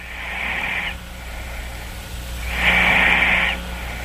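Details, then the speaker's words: 17-year-old male asleep, heard over a phone line: two hissing, rough, slightly fast breaths, each ending in a thin squirrel-like whistle at the end of inspiration; snoring with inspiratory whistle. "like a squirrel whistling a little whistle at the end of the inspiration you hear it"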